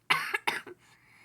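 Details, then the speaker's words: Two quick, harsh coughs with a short tail of throat noise from a person who is a little sick and coughing a lot while getting ready for bed. "Sorry, I had the coughs, so sorry."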